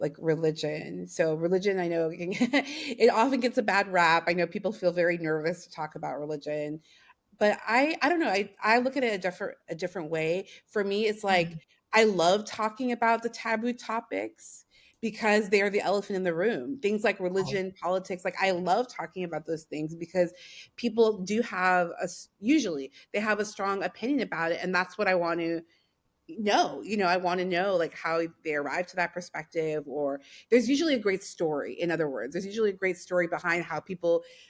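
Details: Adult woman speaking; ordinary speech.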